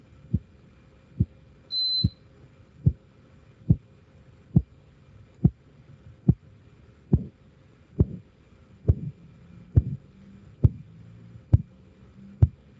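Regular soft tapping beats at about 68 a minute, heard through a stethoscope during cuff deflation: Korotkoff sounds.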